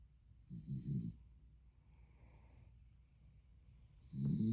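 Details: Dog snoring: two low, rattling snores a few seconds apart with quiet breathing between; ordinary snoring.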